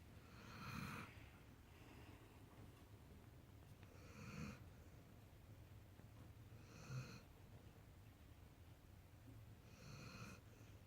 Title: Snoring Kai... :)